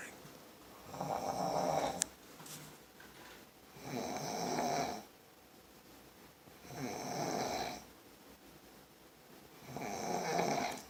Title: OMG she can snore